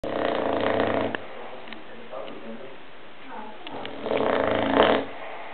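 Two coarse, rattling snores about four seconds apart, with quiet breathing between them; a bulldog snoring in its sleep.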